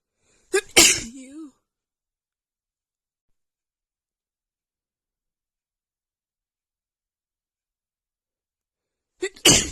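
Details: Woman's itchy sneeze attack: two forceful sneezes separated by a long silence, each a sharp burst with a trailing breathy release; part of an itchy sneezing bout.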